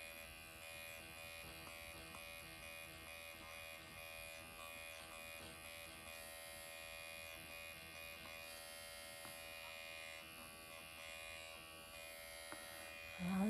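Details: Steady high electric buzzing: an MD Needle Pen automated microneedling device running continuously during facial self-treatment on the lips, moving upward along the lip line, after numbing cream and hyaluronic acid.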